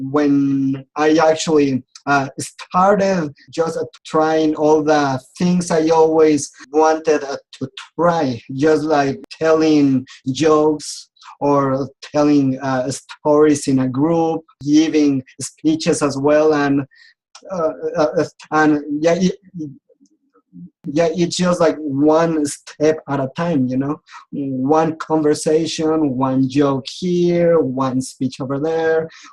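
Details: Adult man who has stuttered since age 4, attended speech therapy, and says he still clearly stutters; stuttering.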